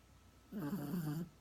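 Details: Chico, a sleeping dog, snoring: a single low, rumbling snore lasting under a second.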